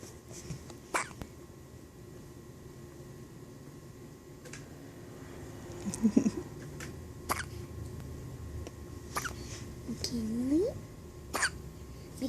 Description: Baby girl has the hiccups :) 6 days old!